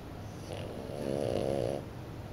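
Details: French bulldog puppy napping in the morning, a habitual snorer: a single rough, rattling inspiratory snore, deep and throaty for its size.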